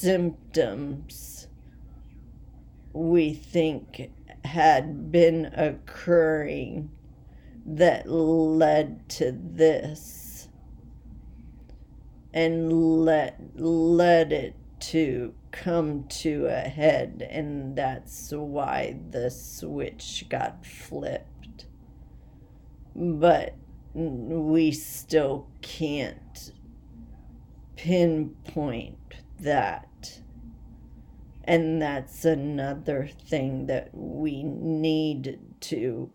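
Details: Adult woman with essential tremor, badly out of control and rapidly progressive, affecting mainly her head and voice, with word-finding difficulty and leg and hand weakness; awaiting movement disorder specialist visits; voice tremor.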